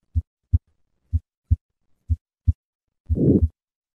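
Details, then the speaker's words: Paired heart sounds at about 60 a minute, played first as aortic valve sclerosis and then as significant aortic stenosis; the final beat carries a loud, harsh murmur; aortic stenosis murmur. "listen to the contrast between aortic valve sclerosis and significant aortic stenosis first aortic sclerosis and now significant aortic stenosis"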